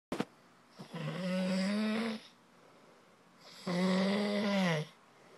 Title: Snore time